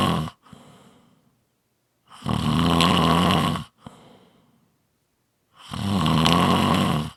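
Loud, rough rattling snores on each breath in, with quieter breaths out between them, about 17 breaths a minute; typical snoring.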